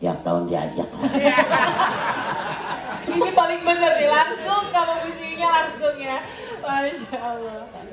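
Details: Adult speaker (interviewer); normal speech.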